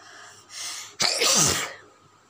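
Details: A quick intake of breath followed by one forceful, hissing sneeze during a sneezing and nose-blowing challenge; sneeze.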